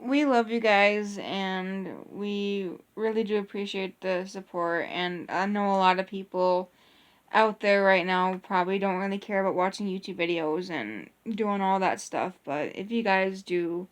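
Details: Adult speaker; Normal conversational speech.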